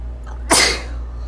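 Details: A single sharp, explosive sneeze over a steady background hum; sneezing.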